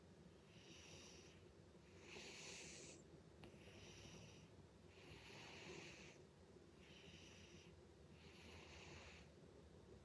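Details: Loud, rhythmic snoring with hissy noise on each breath, about 19 breaths a minute, from a sleeping pet cat.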